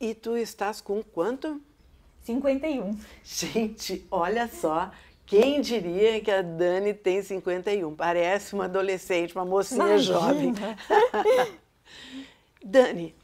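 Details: Adult woman speaking Portuguese; normal speech.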